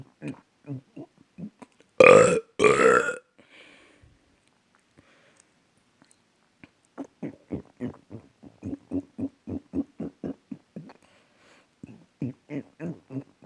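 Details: A long run of short, repeated belches with a couple of louder, drawn-out burps. Repeated burping.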